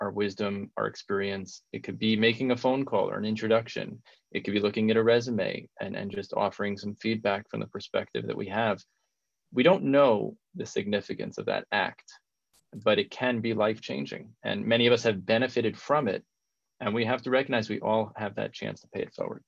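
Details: Adult man speaking; normal speech.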